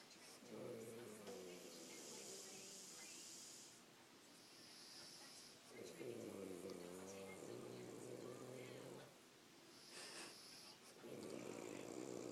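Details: Snoring: rough, rattling breathing in repeated cycles of about four seconds, with quieter gaps between.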